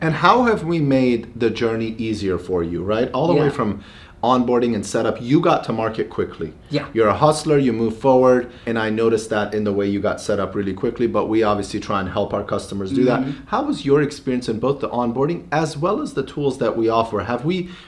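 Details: Adult male speaker; normal speech.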